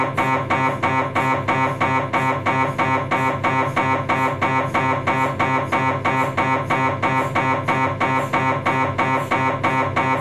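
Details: Loud, steady, rapid mechanical knocking at about three per second from a Philips 1.5T MRI scanner imaging the cervical spine during a sagittal STIR sequence; MRI scanner noise.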